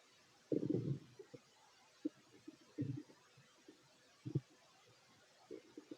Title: [REQUEST] Fit male stomach growls while eating 😋 (Part 2)